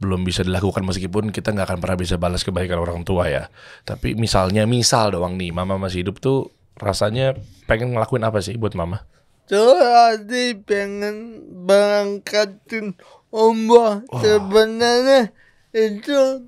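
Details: Adult man born in 1987 with severe cerebral palsy from birth, attributed to a birth injury during a breech delivery; unable to walk until about age 9; able to speak but not clearly; dysarthria (cerebral palsy).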